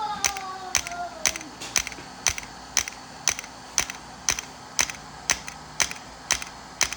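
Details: Integrative shockwave therapy for pain at the back of the knee (popliteal area), 3 Hz/90 mJ x 1,000 shocks: sharp, regular clicking pulses, about one a second, over faint room noise.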